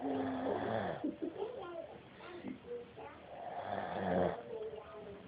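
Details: Person asleep, snoring loudly with rough sounds, while voices talk in the room; snoring.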